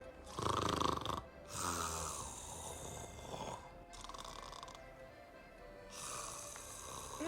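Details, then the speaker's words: Acted snoring by an actor in a Spanish film scene: loud, rough, rattling snores in repeated bursts over background music. "leche, pero ¿cómo se puede no roncar de esa manera? ¿Pero cómo se puede roncar?"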